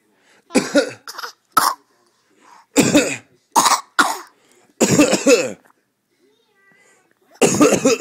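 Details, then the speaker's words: Young child's learned fake cough: series of short, deliberate pretend coughs separated by brief pauses. "has learned how to fake cough"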